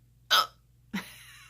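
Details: Two sharp, abrupt hiccups over quiet room hum during filming from an adult with multiple sclerosis who says they have had frequent hiccups since childhood, now daily and sometimes several times a day; hiccups.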